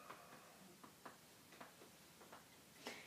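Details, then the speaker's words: Seven sharp percussion taps down the back between ribs during exhale-and-hold in a pulmonary exam; note shifts from resonant to dull at the diaphragm level, measuring diaphragmatic excursion. "i'm going to stop percussing as soon as i see a sound change in which i did right here i stopped here because um there was the sound change should be from resonance to dullness"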